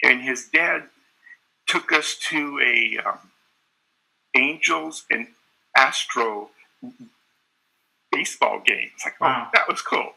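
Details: Adult man with mainly covert stuttering (hiding the stutter, switching words, trying to be fluent), who had speech therapy during his school years; covert stuttering.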